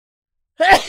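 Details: A single short, explosive, voiced human sneeze, acted as a sound effect after a moment of silence.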